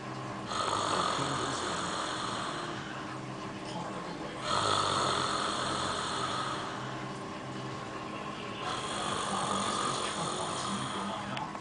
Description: my roomate sleeping and snoring,see his throt puff out like a frog